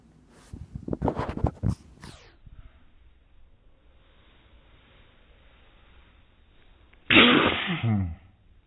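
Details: Infant sneeze, filmed in slow motion: a series of soft breathy bursts, a quiet pause, then one sharp explosive sneeze, with some room noise.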